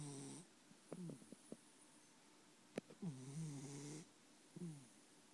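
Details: Sleeping cat: soft, buzzing nasal snores in short, irregular bursts; snoring.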